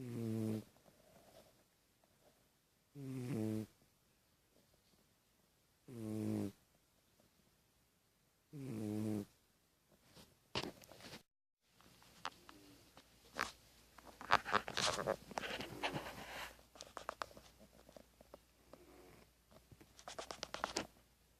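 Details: Four loud, rattling snores roughly every three seconds, about 20 breaths a minute, from a sleeping female pet said to sleep a lot for her age, then rustling and handling noise as she is woken.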